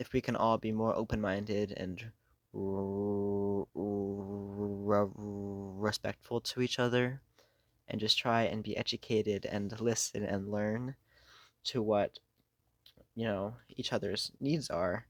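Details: Adult who has stuttered for most of their life, worsening over the past few years, with blocks, getting stuck on words and substituting words; stuttering.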